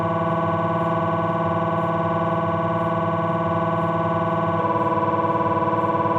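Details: MRI scanner noise from a Philips 1.5T abdominal scan: loud steady buzzing drone with rapid rhythmic pulsing and a pitch shift partway through.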